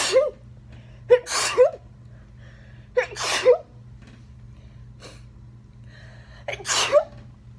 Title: Covered sneezing fit | 17 sneezes